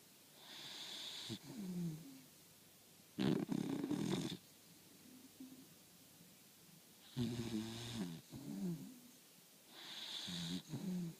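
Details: 4-month-old puppy snoring while asleep in soft repeating cycles: a hissy breath in followed by a low fluttering snort; snoring.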